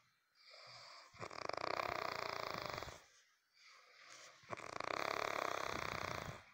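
Two loud rattling snores on the in-breath, each with a softer lead-in, in a quiet room: snoring.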